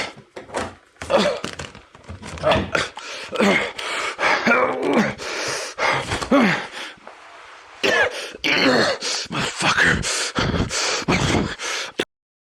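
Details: Simulated cough acted by an adult film character in pain: harsh repeated cough bursts mixed with groans and strained throat sounds.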